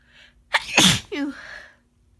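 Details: Person with a head cold: a short in-breath, then one forceful, wet sneeze followed by a brief voiced tail.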